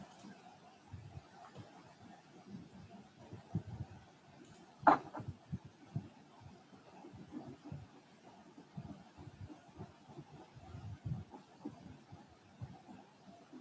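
Faint, regular low thumps of a heartbeat, the normal first and second heart sounds, lub and dub.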